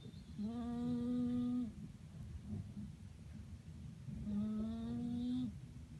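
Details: Two long, steady, humming snores about four seconds apart over room noise from a sleeping flat-faced (peak-nose) cat; snoring.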